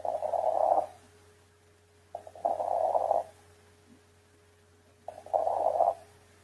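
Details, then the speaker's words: Auscultation of pneumonia with lung consolidation, where reduced air entry, crackles and bronchophony are expected: three rough, crackly breath sounds at about 22 a minute; crackles. "y la oscultación característica que son los signos de consolidación: disminución de la entrada de aire, la presencia de crepitantes y la broncofonía."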